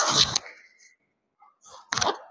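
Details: Patient told to take a long breath and let it out during a chiropractic adjustment for a compressed nerve affecting flow to both legs: two sharp hissing bursts of breath about two seconds apart; forced exhalations.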